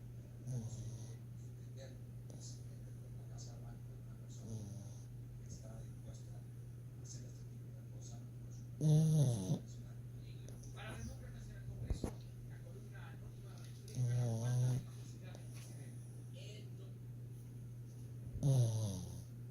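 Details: A pug snoring hard: a steady low hum with three loud, rattling snorts spaced several seconds apart.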